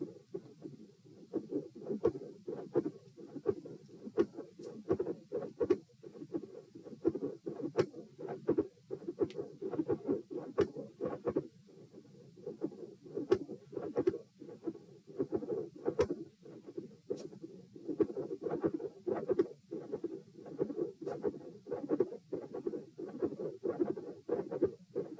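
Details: Heart sounds recorded at position P, patient supine doing leg exercises to test heart response, 78–90 bpm: sharp high-pitched clicks on the beats in a steady, unchanged pattern, clicks increasing in intensity.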